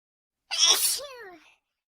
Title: Pinap Sneezes On You